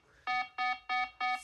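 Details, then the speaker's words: Pulse oximeter alarm on an adult woman with 22q11.2 deletion syndrome as oxygen saturation falls from 88 to 86%: four evenly spaced high electronic tones, about three a second; low SpO2 alarm. "about that annoying beat 86 you can see it on screen anyway very annoying little thing I'm just going to reduce the volume down a little bit cuz you don't need to scare everybody out there"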